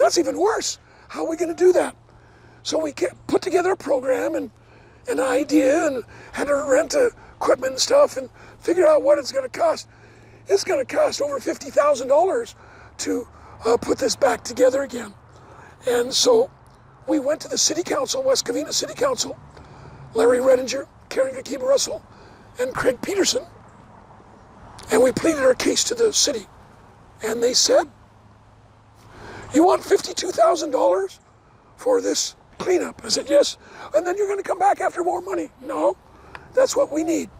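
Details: Adult male never-smoker with two bouts of vocal cord cancer, probably from secondhand smoke; one third of the vocal cords removed in 2008, leaving a raspy voice; dysphonia after partial vocal cord resection.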